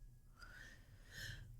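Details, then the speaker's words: Wheezy breathing during an asthma attack: two harsh, noisy breaths with a high whistling edge. She is being given her asthma medicine and now needs it almost every day. "she says if you hear that do you hear the Thunder colles asthma attack can I just gave her medicine"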